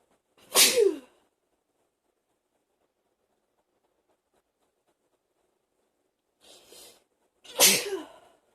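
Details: A sneezing fit without coughing: two forceful sneezes several seconds apart, the second preceded by a quick sharp intake of breath.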